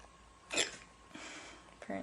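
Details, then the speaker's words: Girl with a lingering bout of hiccups in a quiet room, from an old recording: two or three short, sharp voiced gulps a couple of seconds apart. Hiccups. "hiccups. Waiting for them to be over. Because I can't do anything else until they're over. It's annoying."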